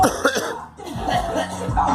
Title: Girl coughing